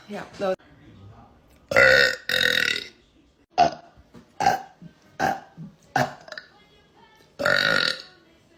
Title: Just a whole bunch of burping #burping #comedy